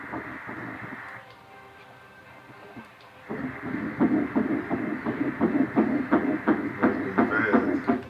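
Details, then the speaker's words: Fetal heartbeat on Doppler ultrasound at about 9 weeks in a first-trimester pregnancy of a mother over 40; fast, regular whooshing pulses at about 172 beats per minute, judged normal. "And its heart rate is about 172 beats a minute, so that's normal."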